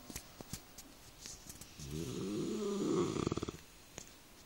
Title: Bullmastif snoring Mash